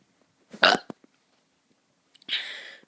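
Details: A child doing deliberate burps: two short burps, the second a longer raspy belch.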